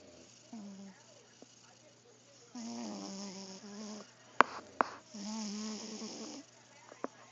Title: Oscar the Cat snoring (Original)